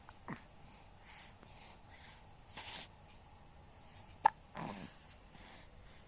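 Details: Baby girl having hiccups for the first time: brief, soft, abrupt catches of breath at irregular intervals over quiet room noise; infant hiccups.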